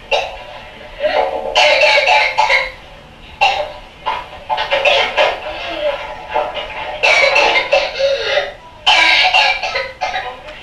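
Runs of rapid, strained coughing from a child come in long bursts with hoarse, tonal catches between them, a pertussis coughing paroxysm.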